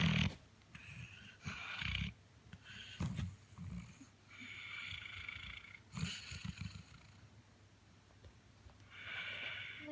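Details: Sleeping pet dog with soft, low, snuffling snores in an uneven rhythm of about 20 a minute; owner then tries to wake it; snoring.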